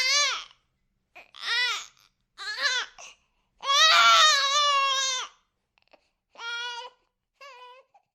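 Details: Sound-effect recording of a baby crying: six or seven high-pitched wailing cry bursts with brief gaps, the longest held over a second; infant crying.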